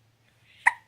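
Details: Infant with a single short, abrupt hiccup preceded by a faint breathy onset; baby hiccup.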